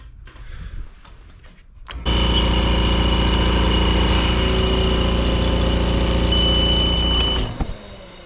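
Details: Old opened oxygen concentrator with broken tubes, powered up during repair: quiet room, then a loud steady motor hum with a rattling buzz and a high whine as it starts and runs.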